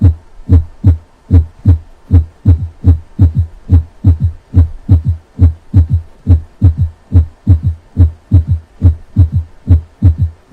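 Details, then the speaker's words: Teaching demonstration of an S3 gallop heard with the stethoscope bell held lightly at the cardiac apex: regular beat near 71 a minute, soft extra early-diastolic thud after S2; early sound of left ventricular failure. "so that was an s3 and it follows the S too early sound of left ventricular failure"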